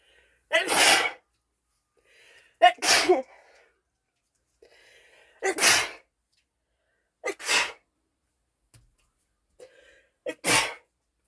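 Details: A woman with a cold sneezes five times, each loud explosive sneeze preceded by a brief sharp inhalation, in a quiet room; sneezing.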